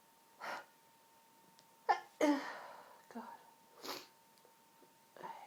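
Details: Several sneezes in quick succession, some with a breathy intake before, in a sneezing fit.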